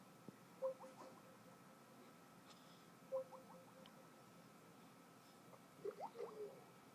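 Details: Baby hiccups: faint, short squeaky catches of breath recurring every few seconds over quiet room noise.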